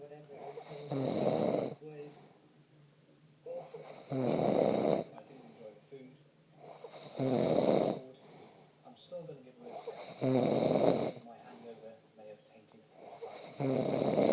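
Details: Loud rattling snores on each breath in, about 19 a minute, with quieter breathing between; habitual snoring, the snorer's girlfriend complains.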